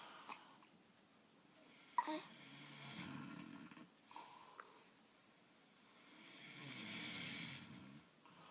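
Quiet, slow snores with soft whistling at the end of breaths, about two breaths heard in a quiet room; ordinary snoring.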